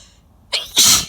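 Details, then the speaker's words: A sharp in-breath, then one loud, explosive sneeze during a sneezing fit, recorded in a parked car with the window open to grass and trees; the person is congested with a very runny nose and wet, messy sneezes. "whoa these are intense i wanted loud and i got it i'll start oh my god my nose is running so bad and these are so wet and they're they're super messy"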